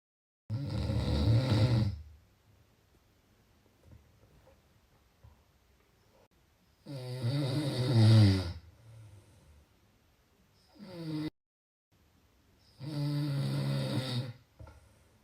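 Loud, low, rattling snores on inhaling, three in fifteen seconds with quiet pauses between; ordinary snoring.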